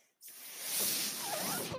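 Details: Mechanical ventilator breathing from the speaker's own ventilator, heard during speech: a steady rushing hiss of air starts abruptly and runs about a second and a half as a breath is delivered.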